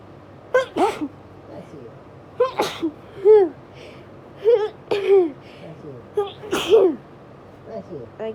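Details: Hay fever sneezes during a very high pollen count: about four bursts in eight seconds, each with a quick indrawn breath and voiced release; sneezing.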